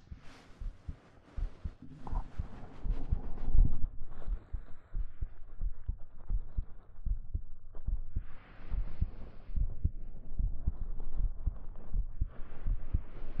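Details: Steady, soft, low thumping heard up close, with fabric rustling over it, in a 3Dio binaural ASMR hugging roleplay; a normal heartbeat.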